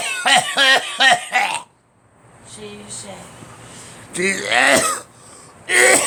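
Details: A quick run of four harsh coughs, a pause with faint room noise, then two more coughing bursts; repeated coughing.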